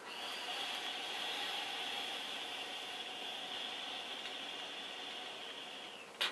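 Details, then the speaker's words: Demonstration of an incentive spirometer (Atemtrainer) used after surgery to reopen atelectasis: exhale, then one long, steady, hissing inhalation through the mouthpiece with open mouth for about six seconds, brief breath-hold, then exhale; advised about ten times per hour. "möglichst tief einatmen mit offenem Mund kurz noch Luft anhalten natürlich nicht reden eigentlich und dann wieder ausatmen"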